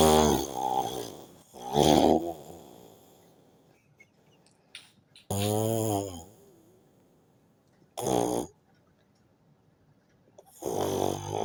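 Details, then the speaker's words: An adult woman snoring in her sleep in a hotel room, recorded on a phone's voice recorder; she denies snoring: loud, rattling snores in five bursts over about eleven seconds, separated by quiet pauses. "Now I'm using this phone voice recording so that you guys will hear how she snore like a pig. My wife dey snore like a pig."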